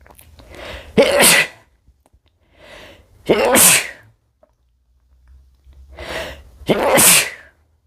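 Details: Male sneezing: three sneezes, each a short intake of breath followed by a sharp, forceful burst of air.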